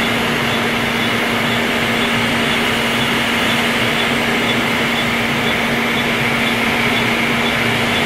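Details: Laser hair removal on the face during treatment: steady loud hum and fan-like whir of the laser device running throughout.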